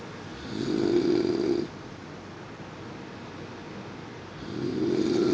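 Two loud, low rumbling snores on breathing in, separated by quiet breathing out; ordinary snoring.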